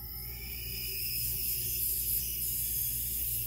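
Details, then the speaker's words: Jet nebulizer running at 6 L/min flowmeter for small-volume treatment of 2.5 mg albuterol in 3 mL normal saline: steady high hiss of gas flowing through nebulizer making aerosol, faint room hum. "i am now attaching my small black nebulizer tubing to the flow theater which i will turn on and i will adjust it to six liters per minute"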